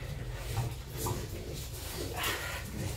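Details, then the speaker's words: Loud, wet, pig-like nasal snorting and snuffling from a French Bulldog born with a cleft palate, air escaping through the cleft; nasal snorting. "kung mapapansin mo Bingot siya ayan oh ngongo siya no Bingot pero yan Actually bibihira yung nagsu-surf na mga may clef palet na aso"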